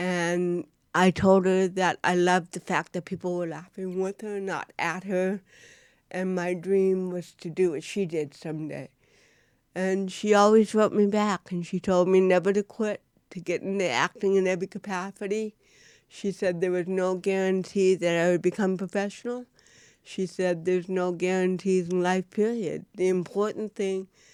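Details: Adult woman with cerebral palsy since birth, diagnosed at 18 months, with dysarthria (cerebral palsy).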